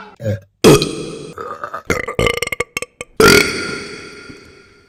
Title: Burping Compilation March 2023 #3 | RBC